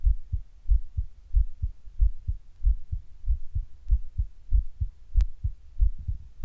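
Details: Sudden palpitations recorded while sitting at rest: strong, low heartbeats about 94 per minute, unevenly spaced with bursts of closer beats, heart intermittently fast, weird and hard.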